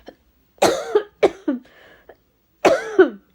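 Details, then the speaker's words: Person recovering from an illness that needed fluid replacement, taking rehydration salts and preventive antibiotics, coughs into their hand: three short, harsh coughs with throat clearing in a quiet room, an ordinary cough. "sorry, I wasn't meant to cough in my hand. Hold on."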